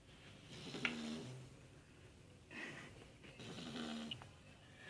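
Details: Sleeping Cane Corso dog snoring: soft, rough snoring breaths with slight whistling, about three in five seconds.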